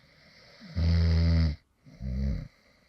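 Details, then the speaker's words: Two low, rattling snores on inhaled breaths, the first longer and louder, then a brief pause, recorded from a male creator who fell asleep while recording a previous video; real light snoring. "and this is actually some light snoring sounds from me when I actually fell asleep in the middle of recording a previous video."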